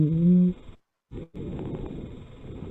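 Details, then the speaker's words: Asthma patient in a teaching session: predominantly expiratory, musical wheezes, with rhonchi also heard. "Fíjense aquí ya se escucha las sibilancias, los roncos y demás."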